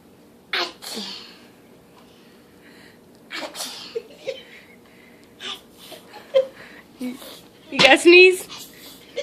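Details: Imitated sneezing: a child makes several short, forced fake sneeze sounds separated by quiet gaps; these are not real sneezes.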